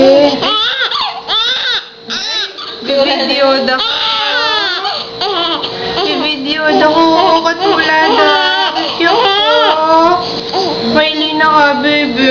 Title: Crying baby